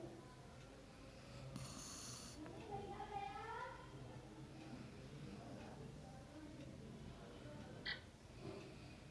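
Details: Steady rumbling snores with a snorting quality from a sleeping female dog, over room noise with a brief higher noise burst; snoring.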